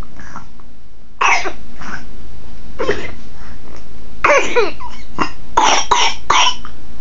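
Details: Infant with bronchiolitis: repeated short, wet coughs in clusters with a congested, rattly quality; bronchiolitis cough.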